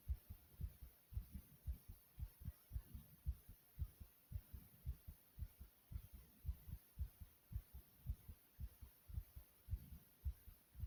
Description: not only is my heart beating fast but soothing too.